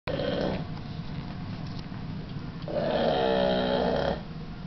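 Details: Snoring: two loud, rattling, buzzy breaths with a quieter stretch between them over a low background hum.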